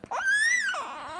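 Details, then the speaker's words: Breastfed infant with frequent hiccups. The mother attributes fussiness during feeding to reflux and says he is upset at being taken off the breast. A single high, rising-then-falling cry trails into a softer whimper: fussing. "this is a one of the symptoms of reflex when he starts drinking the milk you see how he's getting fussy the milk is hitting his stomach and it's bothering him"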